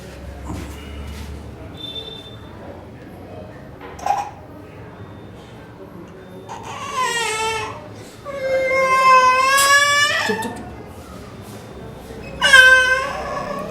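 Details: Young boy with fever cries during a pediatrician's chest auscultation, where a blood transfusion is advised: bursts of wailing in a strong, clear voice amid quiet room noise.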